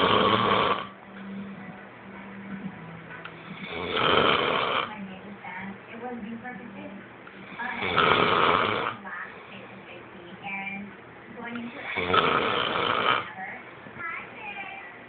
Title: Snoring... Hahaha